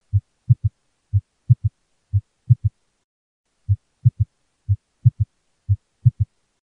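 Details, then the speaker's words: Stethoscope heart auscultation, pediatric teaching: low heart sounds in groups of three, about 60 a minute, with a faint extra sound after S2, usually heard at the apex; S3 gallop, can be normal in children. "this is usually heard at the apex of the heart and it can be also identified as a Gallop you may hear some people refer to it this can be normal but but again always always bring this to the tension of a provider if it's a new finding"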